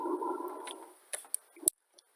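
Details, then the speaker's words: Soft, low rustling airflow that fades away, demonstrated after bronchial sounds near the throat for comparison, in a lung auscultation teaching presentation: normal vesicular breath sounds over the lung fields. "whereas vesicular songs are going to have a bit of a different sound and be more like this"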